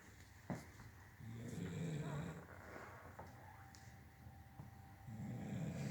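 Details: Female Blue Nose Pitbull snoring while asleep at night: low rattling, rumbling breaths in long drawn sleep cycles, with some room noise.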